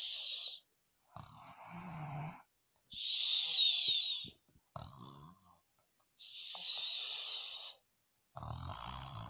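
Alternating breath sounds, some harsh and whistling, others low and rattling, about 17 a minute; snoring with a whistling, wheezy edge.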